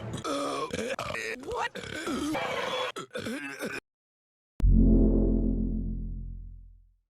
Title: Rick and Morty S1E2-E11 but it's only Rick burping